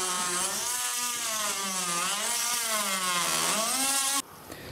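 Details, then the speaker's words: Total knee replacement demonstration on a practice bone model: oscillating saw blade cutting the lower femur, steady high-pitched motor whine wavering in pitch, then stopping; oscillating saw bone cut. "هنستخدم السو بليد ونبدا الكات بتاعتنا."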